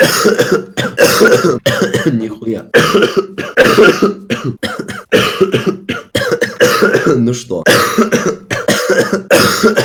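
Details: Real persistent coughing fit in a man who coughed all evening and says coughing feels so bad his eyes are popping out: loud, rapid, harsh coughs in near-continuous bouts with brief gasps between.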